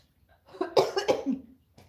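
An adult gives a short, harsh, voiced coughing bout of about three quick bursts in a quiet room, a lingering cough from a cold.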